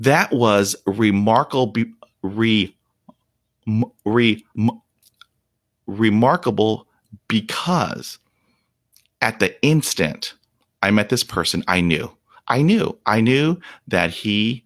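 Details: Stuttering in an adult man whose speech fell to 0% fluency from shock/trauma after a dog attack at age five; he reports blocks during which he turns red and stops breathing; real, unedited speech.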